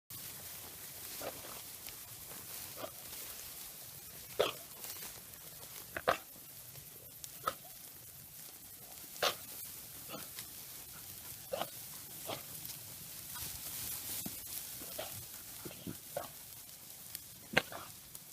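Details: Katahdin ewe lamb, new to farm after trailer trip, in a coughing fit lasting about one minute; flock later found to have mycoplasma pneumonia on necropsy of another lamb: about a dozen short, harsh coughs over eighteen seconds.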